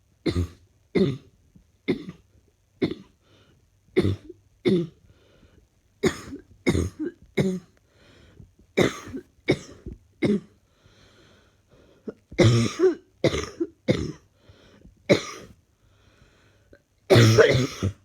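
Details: About twenty short, harsh coughs in quick bouts over eighteen seconds, some paired, from a person feeling unwell with a persistent dry-sounding cough; cough.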